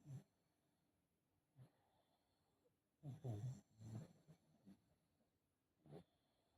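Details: A foster pug, recorded around BOAS surgery (before or after), makes soft, irregular snorting snores and noisy breaths in a quiet room; snoring.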